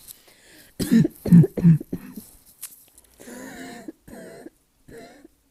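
A run of short, harsh, barking coughs followed by raspy throat-clearing sounds; a barking cough.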